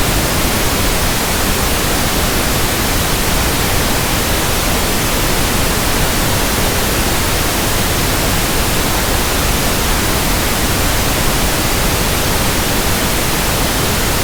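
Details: Simulated pink noise for tinnitus sound matching and frequency testing: a continuous soft, even static hiss, for comparing with ringing, buzzing or persistent background tinnitus.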